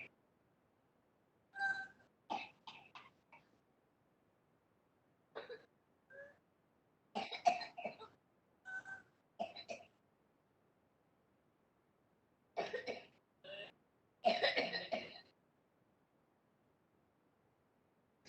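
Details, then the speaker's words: Bursts of rapid repeated coughs in a girl, each run ending in a noisy whistling forced in-breath: inspiratory laryngeal stridor, a sign of narrowing at the voice box. "lo quieren cierto la niña que está que está que voy a hacer esa inspiración que suena así suena como un [ __ ] que eso se llama exterior laringe celular y un sonido típico de inspiración forzada a través de una vía aérea interior cerrada por ejemplo una laringe la llamada o un ataque en la mar"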